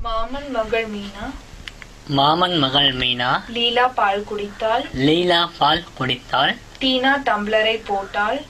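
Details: Speech sample in Tamil showing exclusive or predominant hypernasality caused by velopharyngeal dysfunction.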